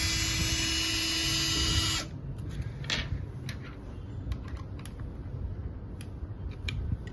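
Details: Steady high motor whine for about two seconds, then handling clicks and taps: a surgical drill drilling through a patient-specific drill guide placed on the trochlea during a workshop demonstration of custom 3D trochlear replacement (Episealer) for knee chondral lesions.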